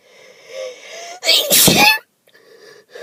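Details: Person with allergies, off antihistamines before an allergy test, sneezing: a single loud, explosive sneeze with a short intake before it, over a faint background tone.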